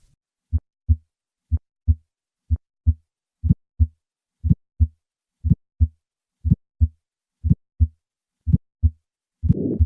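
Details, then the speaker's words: Regular heart sounds at 60 a minute with a high-pitched ejection click just after S1 that radiates widely and does not vary with respiration: bicuspid aortic valve with aortic stenosis. "in summary bicuspid aortic valves can produce an ejection click this sound is high-pitched radiates widely and does not vary with respiration"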